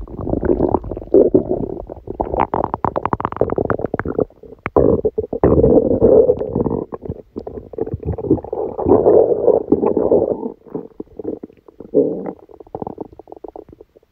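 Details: Abdominal sounds recorded during a stomachache after Christmas dinner while the person slept: nearly continuous loud rumbling and churning gurgles in long bursts with few pauses; active, busy bowel sounds.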